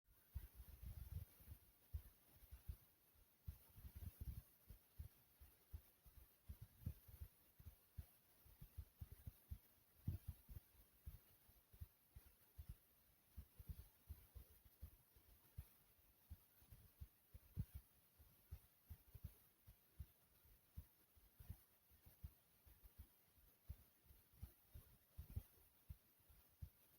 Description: In this video my heart starts off slow and low then gets loud and fast i really hope you all enjoy